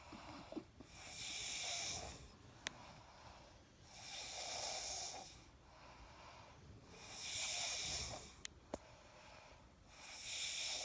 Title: Snoring - they are racing who can snore the loudest